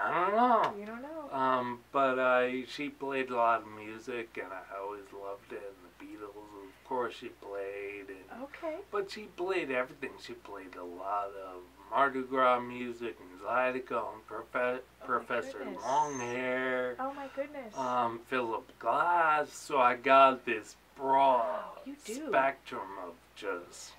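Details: Adult man with ataxia, a cerebellar disease diagnosed about four years earlier; articulating takes him energy, worse toward evening, and he slurs when excited; ataxic dysarthria.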